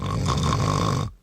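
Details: Adult man's real snore recorded for a TV ad, before he used CPAP: a single rough, low rattling snore lasting about a second, then quiet.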